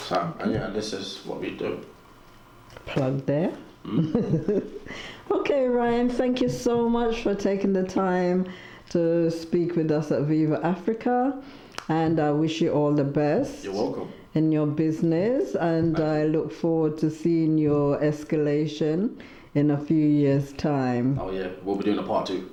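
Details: Adult interviewer speaking; normal speech.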